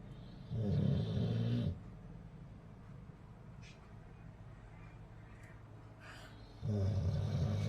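Two loud, low rattling snores about five seconds apart, separated by quiet breathing; a snoring dog.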